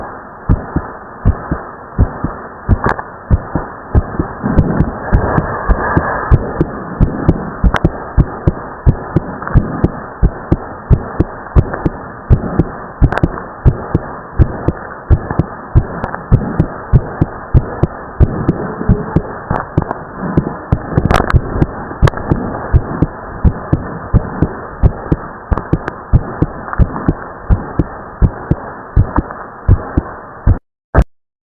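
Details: Split second heart sound in a teenage boy after exercise: fast, regular heartbeat with a doubled second sound following exertion.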